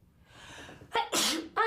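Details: Quick building inhalation, then a sharp explosive sneeze with a short voiced trailing sound, from a woman: sneeze.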